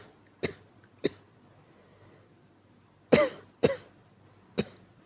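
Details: Five soft, brief coughs in a quiet room, acted as a weak cough.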